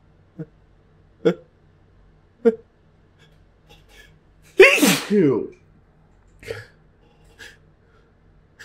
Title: Loud buildup sneezes